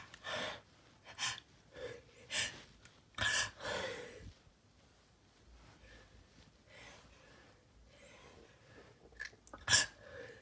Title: Sneezing 2